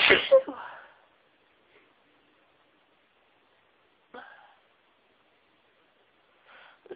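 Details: Single sharp explosive sneeze followed by silence and brief soft voice sounds while trying to announce sneezes; an ordinary single sneeze.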